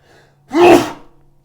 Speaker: Je suis complètement malade. J'ai la grippe. C'est pour ça que j'éternue et que j'ai la voix un peu un peu roque.